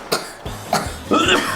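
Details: Three short, sharp coughs from a boy, acted in a medical myth-or-fact skit about sesame (sesame-seed) oil as a cough remedy, with faint background music; he says he is tired.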